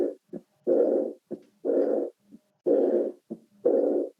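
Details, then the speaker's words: Regular heart sounds at about 61 beats a minute, each short sound followed by a long blowing diastolic murmur heard at the aortic focus: diastolic murmur of aortic regurgitation. "y obviamente si es insuficiencia va a tener soplo de visitante guys campeón soplo diastólica en el foco aórtico y acá tiene el soplo"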